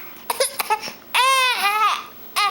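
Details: 2-month-old baby girl upset by her hiccups: short fussy infant cry with a few whimpers, then a sustained wail and a final cry onset; infant crying.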